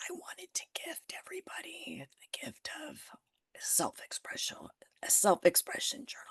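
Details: Adult woman who developed spasmodic dysphonia after stress and illness while building her business, treating it naturally without Botox and saying it remains audible in her voice; spasmodic dysphonia.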